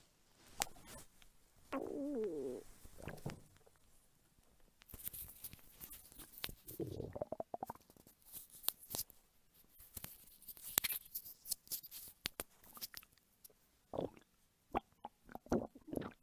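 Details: Hunger stomach rumbling from an adult woman's belly, recorded as ASMR: irregular gurgles, squeaks and rumbling bowel sounds that come and go; normal borborygmi.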